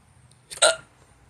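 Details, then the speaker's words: Male with hiccups: one abrupt, sharp hiccup with a quick catch of breath against a quiet background. "I got hiccups God anyway that's all I had but I have hiccups right now"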